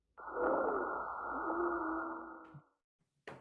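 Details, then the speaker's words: Simulated wheeze on an auscultation trainer torso: breath noise carrying a steady musical whistling tone, heard over the upper front chest. "this one is labeled wheeze so i am going to start and i'm going to listen to the lung sounds and i can hear the wheezing up here"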